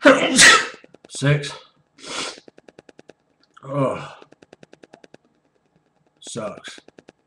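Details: Sneezing fit of about 12–13 loud, forceful sneezes in quick succession, with brief pauses and clicking sounds between them.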